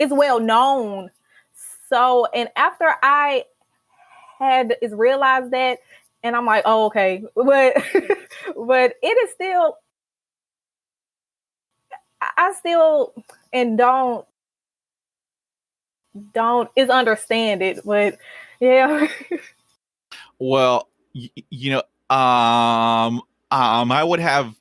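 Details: Stuttering in a young adult woman, a senior college student, who began speech therapy in college; stuttering.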